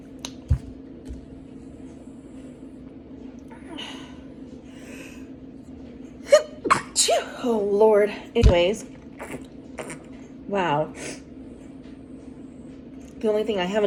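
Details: Several sharp, explosive sneezes in quick succession, with gasps and exclamations between them, during a morning breakfast in a quiet room. The speaker blames cats and dust.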